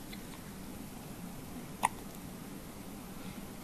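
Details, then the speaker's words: Day-old newborn's first hiccups, parent suggests after too much breast milk: one short, sharp hiccup in a quiet room. "day on Earth and you got hiccups Mommy gave you too much booby milk got you hiccuping huh sweetie"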